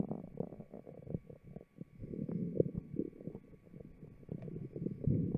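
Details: Microphone taped to the abdomen of a fit, healthy person: continuous low gurgling and bubbling rumbles with irregular swells; normal stomach growling (borborygmi).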